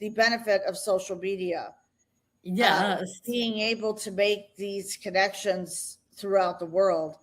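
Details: Adult woman speaking; normal voice.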